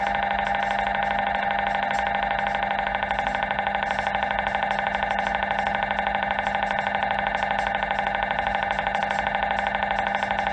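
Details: Loud, steady, fast mechanical buzzing pulses at about two per second, the typical knocking hum; MRI scanner noise.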